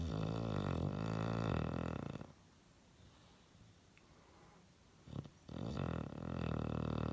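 Loud, low rattling snores on each breath, with a quiet pause between them: snoring in a sleeping dog.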